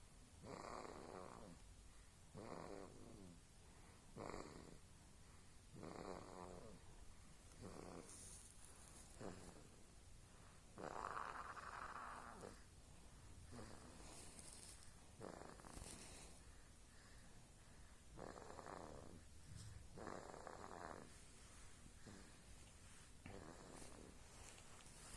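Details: One-month-old baby snoring while sleeping: soft, rapid snoring sounds with short noisy breaths repeating through the recording.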